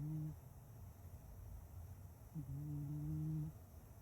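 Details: Sleeping cat snoring during a nap: low, steady buzzing snores, one brief and one about a second long, with a quiet breath between.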